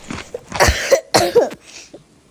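Several harsh cough bursts with a throat-clearing sound and a quick intake of breath between them, from a child who is unwell.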